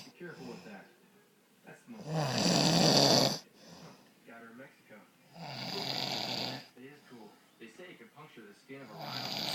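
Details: Loud, rattling snores on inhalation from an adult man, with softer noisy breathing and murmuring between them.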